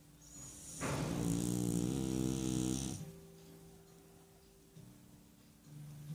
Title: Sansão Roncando - French Bulldog Sansão Snoring